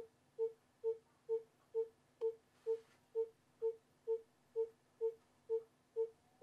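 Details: Educational fetal monitoring rhythm example: regular monitor-style pulsed tones at about 130 per minute, a fetal heart rate within the usual range.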